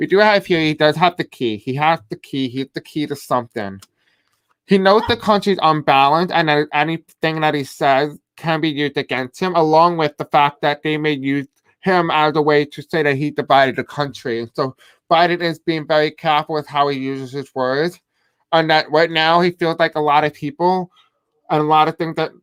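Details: Adult man with a deaf accent who may have difficulty pronouncing certain words; deaf speech.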